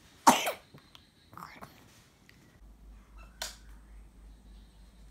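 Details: 6-month-old baby's first illness, with cough, runny nose and fever: one sharp infant cough, then a softer second cough a few seconds later in a quiet room; cold-related cough.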